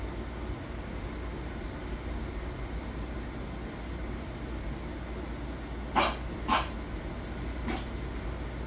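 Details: Dog with fluid in the lungs gives three short coughs over a steady low background hum.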